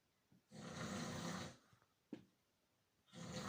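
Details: Senior man snoring: a long, harsh, rasping snore, a brief snort, then another snore beginning, in a quiet room.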